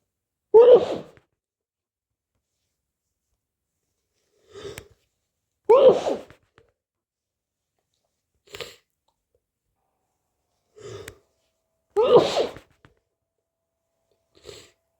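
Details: Three sharp sneezes from a person with a cold, with softer sniffs and tissue rustles between, in a quiet room; sneeze.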